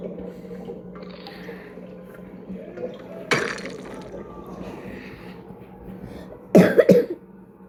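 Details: Coughing by someone who says they are sick, recorded while playing the Roblox game Dandy's World: two short cough bursts, the second louder and doubled, over steady room hum and faint game sounds.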